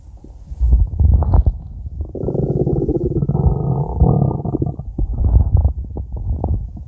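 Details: Ordinary stomach growling (borborygmi): a loud, low gurgling rumble with a sustained groaning stretch in the middle and bubbly pops around it, from a five-minute recording.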